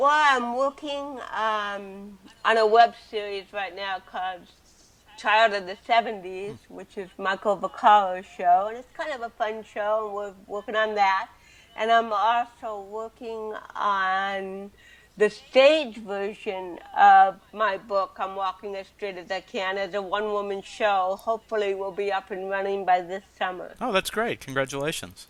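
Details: Adult woman with cerebral palsy from birth, speaking in a real 2013 interview; dysarthria (cerebral palsy).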